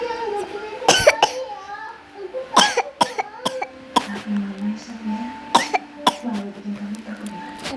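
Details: Young girl talking to the camera coughs in several sharp bursts between bits of speech, then says her throat hurts; cough.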